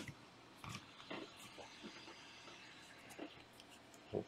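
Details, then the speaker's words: Quiet, irregular snorting breaths from several sleeping dogs against faint room noise; dog snoring. "Sorry, guys, if you hear the dogs. The dogs are over here snoring out of control."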